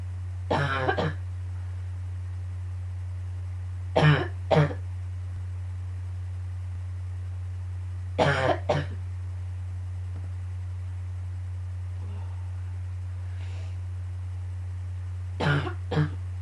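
Repeated short bursts of two or three harsh coughs, about nine coughs in all, over a steady low hum. A coughing fit.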